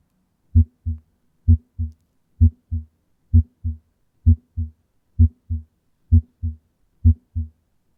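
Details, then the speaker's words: Normal heart sounds in a healthy individual: steady lub-dub at about 65 beats a minute with a crisp S1 ("lub") and S2 ("dub"). "in terms of the sound quality the S1 is often described as a sound while the S2 sounds more like a dub and we can now have a listen to see what this sounds like in a healthy individual"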